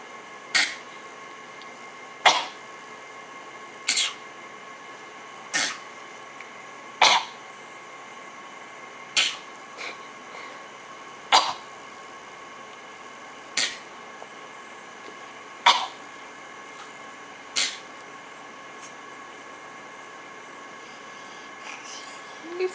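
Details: A baby girl almost 9 months old gives about ten short, sharp cough bursts at a steady play rhythm, a deliberate fake cough game answering her parent's coughs: voluntary (fake) cough.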